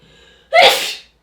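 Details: Single adult sneeze: after a faint lead-in, a sudden, forceful burst of noisy airflow with a brief voiced edge that fades within half a second.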